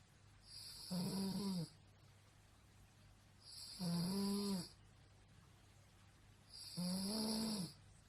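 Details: Woman snoring at night, roommate kept awake: regular snores about every three seconds, roughly 20 a minute, each a buzzing drone with a whistling edge, over quiet room hum; loud habitual snoring.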